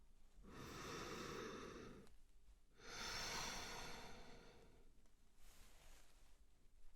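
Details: Slow, steady breaths in and out with soft airy noise and no wheeze or crackle: normal breathing during a simulated roleplay pregnancy general check-up.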